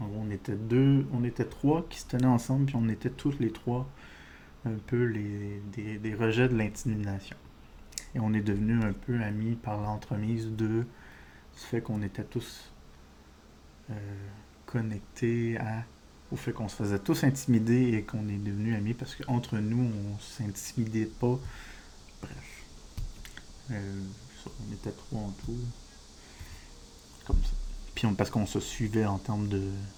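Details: Adult male with diagnosed ADHD, disfluency he says resembles stuttering but is not stuttering, linked to wanting to speak faster than he can express himself: speech disfluency (stuttering-like)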